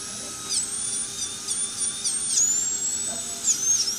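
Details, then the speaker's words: High-pitched dental handpiece in short bursts, pitch dipping under load, as a mushroom bur smooths a sharp spot for the tongue beside the rubber band while bonding a lower 3-3 lingual orthodontic wire. "So, I'm now going to take a mushroom bur and just polish that little spot right there. Making it nice and smooth for the tongue."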